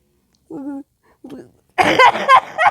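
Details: A brief voiced sound and a soft grunt, then a loud run of harsh, raspy bursts from a self-described sick person; coughing fit.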